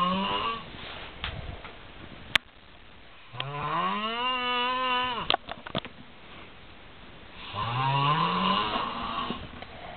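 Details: Person asleep snoring like a cow: loud, drawn-out snores with a rising, moaning, almost lowing tone, about 16 breaths a minute, with quiet pauses between breaths.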